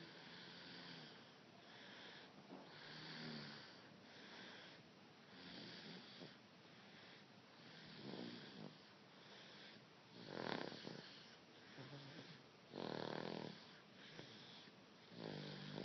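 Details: Soft, rhythmic snoring breaths from a sleeping baby, about 25 a minute, some with a faint whistling edge; infant snoring.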